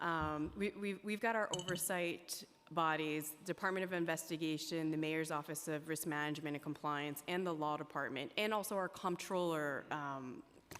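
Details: Adult speaker; Normal speech.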